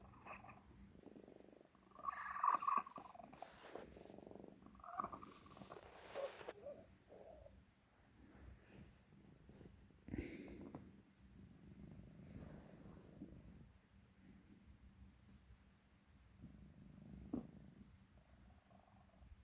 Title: Cat coughing, wheezing and swallowing when purring